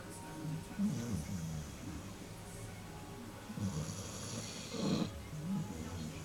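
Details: Sleeping puppy snoring loudly enough to hear from another room: soft, snuffly snoring breaths with some whistling on a breath, under background noise. Snoring.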